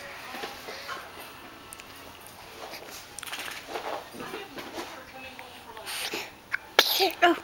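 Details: A baby's sneeze during a tickling and giggling session, the baby's first real giggle session.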